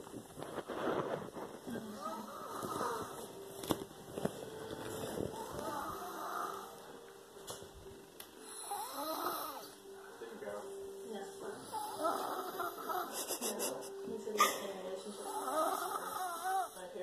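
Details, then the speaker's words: Loud snoring from a sleeping 5-year-old boy: rough, rattling breaths repeating during sleep, loud enough to drown out the television heard behind them. "I just want you to see how loud he's snoring. We can't even hear the TV."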